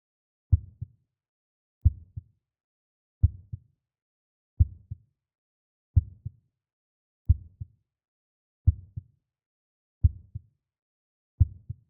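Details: Heartbeat sound: clean paired lub-dub thumps in silence, slow and even, about 44 beats per minute.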